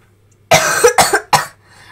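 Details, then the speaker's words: One quick bout of three harsh coughs in a quiet room from a person who reports coughing a lot all day, having a fever, and feeling cold. "Ik hoest best wel veel en heb het ook best wel koud. Ik heb koorts, dus. Dus als ik hoest, dan weten jullie waarom. Zo klinkt het ongeveer."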